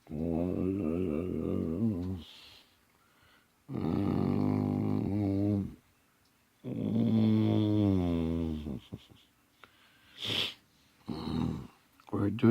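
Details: Elderly man (grandpa) snoring: loud, drawn-out rattling snores on inhalation, three long ones a few seconds apart with brief noises between.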